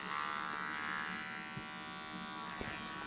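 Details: Steady, even electric buzzing hum in a small room at a veterinary clinic, ending with a brief louder noise: an electric clipper running while a dog's fur is shaved.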